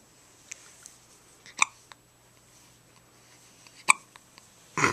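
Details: A newborn's first hiccups outside the womb, recorded in hospital: soft, sharp little hiccup sounds at uneven intervals, a few seconds apart, in a quiet room.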